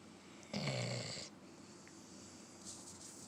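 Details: Companion animal asleep: single low, rattling snore under a second over quiet room noise; snoring during sleep.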